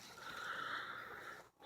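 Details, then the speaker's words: Free-range backyard chicken that seems unwell, with puffy eyes, sniffling and coughing: a drawn-out, wet snort or sniffle, a sign of respiratory infection. "see they get their eyes get puffy you can hear them like sniffling and coughing a little bit"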